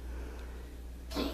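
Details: Overweight 25-pound Chihuahua lying on his back, who reportedly coughs all day: steady low room hum, then a single short, harsh cough: dog cough.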